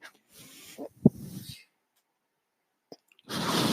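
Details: Airy hiss of a delivered breath with a soft click, a quiet pause, then the next breath's hiss: the speaker's own mechanical ventilator cycling, which he points out while talking in a podcast recording.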